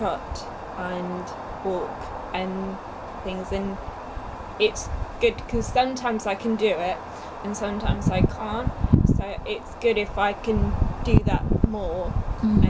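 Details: Young woman two years after a stroke at age 18, with Broca's aphasia affecting speech, reading and writing; effortful speech with frequent hesitations and word-finding pauses: Broca's aphasia.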